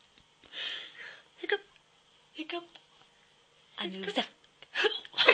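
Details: Several short, abrupt voiced catches between breathy sounds and laughter-like vocalizing; repeated hiccups.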